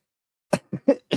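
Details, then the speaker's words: Adult gives a quick run of four short, dry, slightly squeaky cough bursts during a conversation, then remarks sounding like a cricket; cough. "What the heck? I'm coughing. I sound like a cricket. That was weird."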